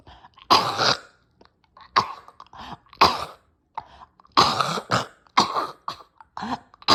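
Repeated harsh, forceful coughs with throat-clearing in a small room, a severe coughing fit with choking.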